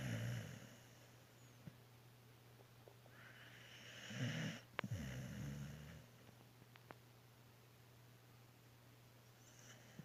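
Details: Sleeping dog, tagged as a puppy, snoring: low, snuffling snore over a steady background hum; ordinary dog snoring.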